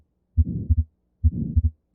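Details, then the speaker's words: Simulated atrial septal defect heart sounds, about 70/min, with a soft systolic murmur between S1 and S2; ASD is also associated with wide fixed splitting of S2. "it's a systolic murmur"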